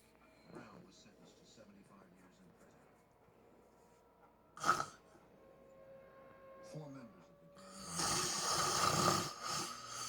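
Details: Adult husband sleeping; scattered snorting and rasping breath noises in a quiet room, ending in a loud rough snore; snoring.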